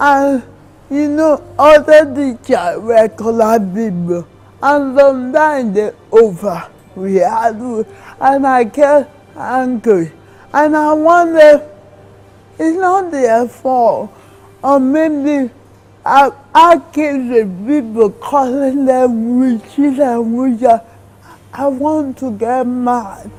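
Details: Dysarthria in a woman in her 30s with cerebral palsy, diagnosed in childhood; she says her condition has improved as she grew.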